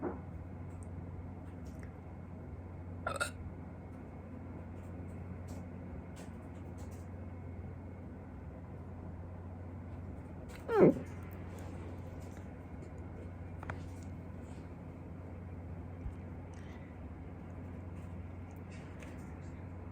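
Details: Two sudden, short, gulping hiccups several seconds apart over a steady low room hum, in a person who had hiccups for the first time in a long time; hiccups.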